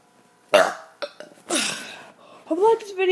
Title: Kid doing burps 25